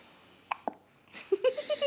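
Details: Baby with hiccups: two brief, abrupt clicks with a small voiced catch, followed by a short voiced sound.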